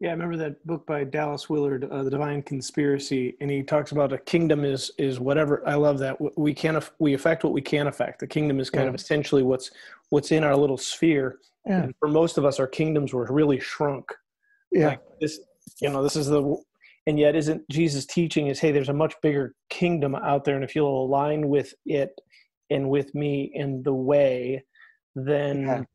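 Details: Adult male speaker; plain speech.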